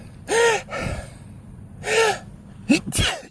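Two drawn-out voiced sneezes, then a quick sharp burst, one after another in a sneezing run.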